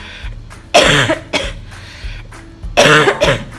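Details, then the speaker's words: Chronic cough per doctor, prolonged despite normal blood tests and x-rays, with recurrent fever during COVID-19 in Singapore: two loud harsh coughs with softer throaty coughs between them over a low background hum. "doctor also feels neighbors coverage is a chronic cough at this point because I've taken blood tests I've taken x-rays again and they all short fine"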